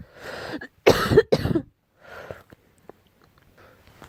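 Several sharp coughs in a quick burst, the middle two loudest, followed by softer breathy sounds; a child's cough.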